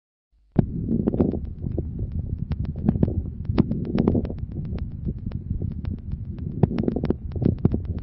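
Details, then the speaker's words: Mid-inspiratory crackles: many brief popping crackles dominating mid-inspiration, sparing its start and end, reflecting bronchial secretions, varying cycle to cycle, often with some expiratory crackles. "ils traduisent l'existence de ces questions bronchique d'où leur caractère variable d'un cycle à l'autre et leurs associations fréquentes à quelques crépitant expiratoire"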